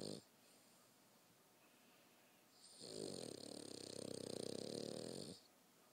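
A brief snort, then a long rattling, buzzing breath sound lasting about three seconds: snoring, from an animal, likely a dog.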